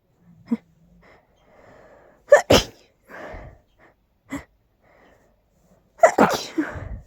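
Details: Loud, big sneezes, described as too strong and incredibly tickly to hold back: quiet breathy build-ups, then two sharp explosive sneezes and another loud sneeze near the end; sneezing.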